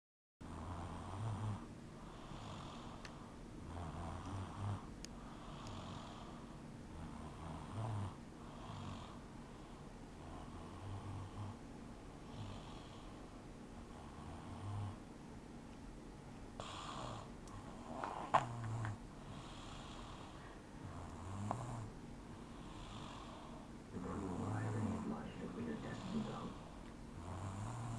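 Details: A baby snores softly and rhythmically, a low rattling buzz with each breath, about 35 breaths a minute.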